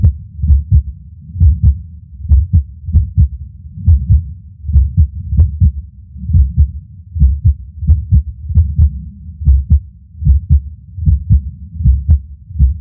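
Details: Irregular skipping heartbeat in a person who reports passing out near the end of the recording: dull beats around 75 a minute with uneven spacing and occasional longer pauses.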